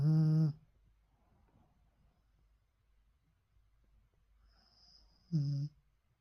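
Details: Bichon dog napping: two short, tonal, humming snorts about five seconds apart with near silence between; snoring.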